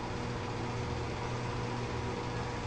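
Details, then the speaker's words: Nd:YAG dental laser run back and forth over a microscope slide sample of oral spirochetes in an experiment: a steady low mechanical hum with a faint tone as the unit operates. "though that beam is very small we're running it back and forth several times"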